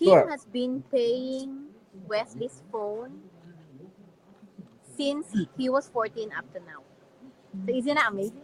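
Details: Dysarthria in an adult man with severe cerebral palsy and physical disabilities.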